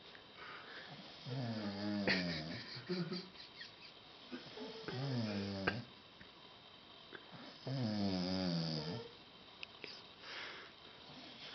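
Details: Friends' night-time snoring contest recorded with play-by-play: three long, rattling, buzzy snores on breathing in, about 19 a minute, in a quiet room; ordinary snoring.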